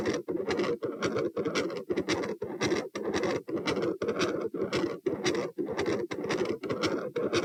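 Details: Heart recorded at position P, standing, about 113/min: S1, S2 merge into a harsh rushing continuous machinery murmur focused over S2, filling nearly each beat; possible patent ductus arteriosus, or aortopulmonary window or collateral vessel.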